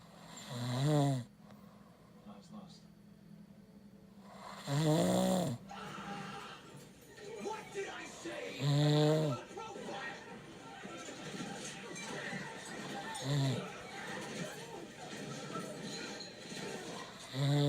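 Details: A husband's very loud snoring that keeps his bed partner awake: rumbling snores about every four seconds, roughly 15 a minute, with film dialogue and music in the background.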